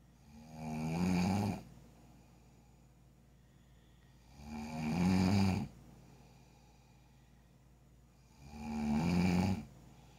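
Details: Loud snoring keeping someone awake: three deep, rumbling snores at a slow, steady pace of about 15 a minute, with quiet pauses between.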